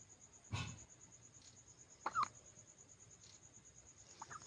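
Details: Baby with hiccups: short, abrupt catching sounds recurring irregularly over a few seconds, with a steady background hum.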